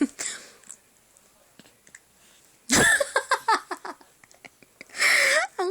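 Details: Sneeze of a 2-month-old baby: a small sharp sneeze, then brief fussing and breathy sounds, then another high sneeze-like burst.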